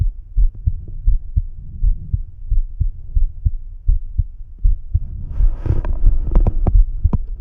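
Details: Self-recorded heart sounds heard with the stethoscope bell at the mitral area (apex). Low, regular heart thumps at about 83 a minute. The owner asks whether the heart sounds healthy.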